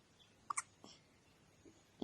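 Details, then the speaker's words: Baby who gets hiccups every day, now feeding a lot; two sharp, brief catching sounds close together in a quiet room, then a fainter one; infant hiccups. "yes you're getting chubby baby yep and you got hiccups hiccups hiccups hiccups all the time every day poor baby"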